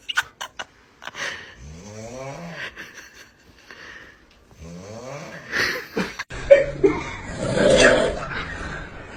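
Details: Loud, irregular snoring with drawn-out wavering squeals and a harsh rattling breath near the end, in a quiet room.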